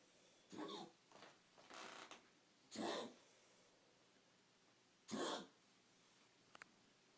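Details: Chico, a dog who has coughing spells: a short run of harsh, dry coughs separated by brief pauses in a quiet room; coughing spell.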